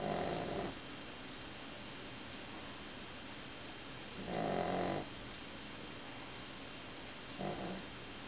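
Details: Three rough, buzzing breath sounds spaced irregularly over steady room hiss during sleep; snoring.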